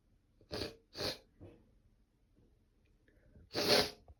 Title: allergy sneezing 2 #sneeze